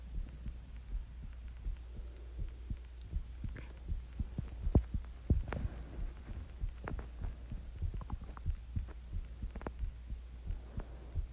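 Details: Self-recorded heartbeat of a person sick with the flu: regular low thumping at a moderately fast rate with a steady background hum.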